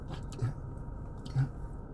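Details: Adult male with Tourette syndrome since childhood, demonstrating a throat tic that he says talking suppresses; vocal tic (Tourette syndrome).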